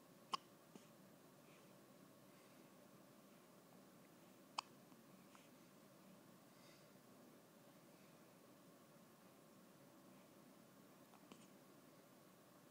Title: has the hiccups